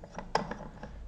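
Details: KM-609 syringe pump during setup demonstration: short mechanical clicks and a ratcheting snap as the plunger clamp is tightened.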